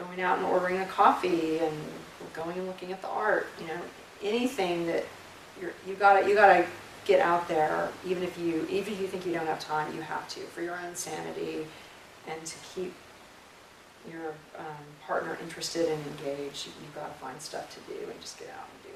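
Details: Adult speaker, likely a woman; ordinary fluent speech.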